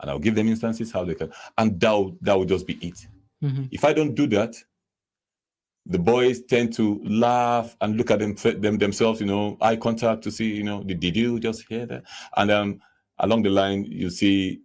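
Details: Adult man who says he stammers himself, speaking while invited to explain stammering; stammering (stuttering).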